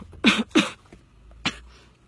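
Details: A woman coughing: three short, sharp cough bursts, two close together and one after a pause, in a quiet room; a plain cough.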